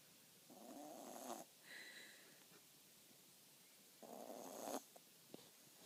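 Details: Two soft, raspy snores with a faint whistle between them from a sleeping Cavapoo puppy in a quiet room; snoring.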